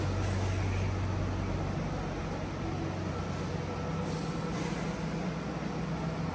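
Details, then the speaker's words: Steady low rumbling hum with no clear rhythm from machinery outside a steel hyperbaric oxygen therapy chamber, described as the oxygen concentrator; it is said to be quiet inside the airtight chamber. "the noise you hear now is from other side machine but inside the chamber is quite because it is part of space"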